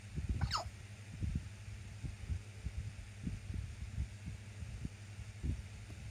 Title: Squeaky Hiccups